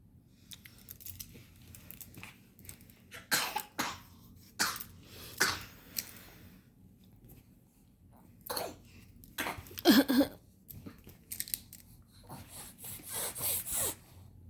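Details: Young girl coughing while playing with her mother: several short, dry coughs and throat-clearing amid quiet room and play sounds.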